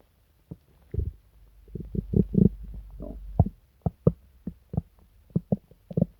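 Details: Deep rumbling growls and repeated low gurgling pops from the stomach of a person sick for days with pain, diarrhea and nausea: loud borborygmi.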